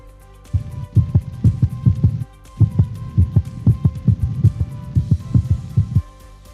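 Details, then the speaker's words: Dog heart auscultation: clear lub-dub beats, a brief pause, then equal beats resume. Normal heart sounds with respiratory sinus arrhythmia, which is not seen in cats. "tengo latidos una pequeña pausa y siguen latidos iguales"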